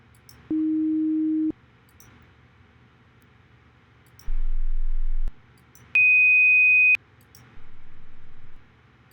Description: Recording of hearing test for Human Computer Interaction.